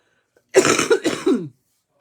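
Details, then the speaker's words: Adult woman coughing heavily since the end of the week: two brief, harsh, partly voiced coughs close to throat clearing, in a quiet room. "Désolé mon dou je serai pas très agréable ce matin à écoutez c'est ça depuis en fin de semaine je tousse beaucoup mais là je pense que c'est ça"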